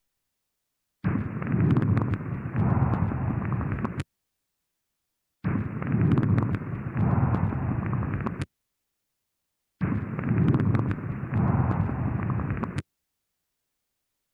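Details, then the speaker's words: A lung recording played three times: rough, low breath sounds with scattered bubbling pops and crackles through each breath; subcrepitant crackles, described as heard in acute or chronic bronchitis, pneumonia, bronchopneumonia, hemoptysis, tuberculosis, lung abscess drainage. "Estos sonidos superpitantes los vamos a ocultar en la bronquitis aguda, bronquitis crónica, neumonía también, bronconeumonía, hemóptisis, ya espectoración con sangre, tuberculosis pulmonar y evacuación de abcesos pleuropulmonares."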